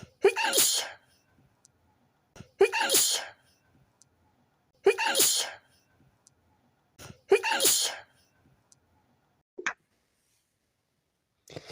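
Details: Four sharp sneezes in a row, each a quick burst of air, in a quiet room, after a tickly feeling in the nose.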